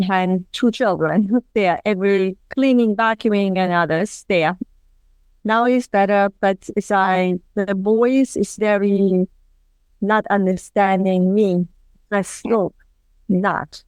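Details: Non-fluent agrammatic aphasia, recovering from global aphasia, in a woman who had a stroke 27 years ago with complete right-sided paralysis; she was unable to speak for about a year and previously spoke five languages.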